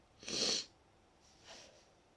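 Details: Deliberately induced wet sneeze, itchy and tickly after a long break from inducing: a short, hissy sneeze followed by a softer second puff, heard quietly at a distance.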